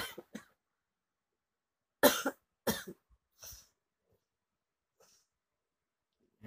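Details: Adult with sore throat, painful swallowing, shortness of breath and nausea: two short dry coughs, then a softer one and a faint throat sound in a quiet room.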